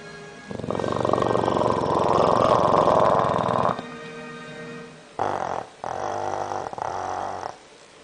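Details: Bulldog with loud, rough, rattling breathing, long drawn stretches and shorter bursts; heavy snoring.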